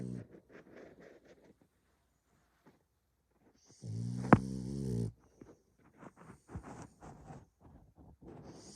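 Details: French bulldog snoring in sleep: snuffly nasal breathing, then one loud, drawn-out rattling snore, then more soft snorts.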